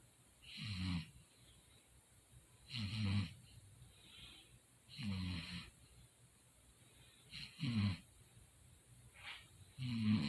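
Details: Regular low, rattling snores about every two seconds, roughly 26 a minute, with quiet breaths between, during sleep; ordinary snoring.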